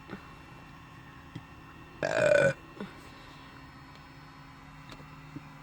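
A single loud, rumbling burp lasting about half a second stands out against quiet room noise. Belching, the release of swallowed air.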